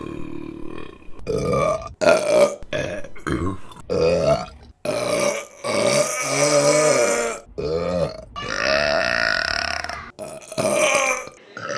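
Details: A run of loud, prolonged, deliberate belches, some with a voiced, groaning quality, from a burping compilation; burping.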